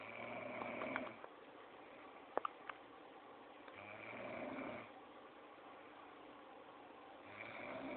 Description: LMAO my roommate snoring..and i recorded her LMAOO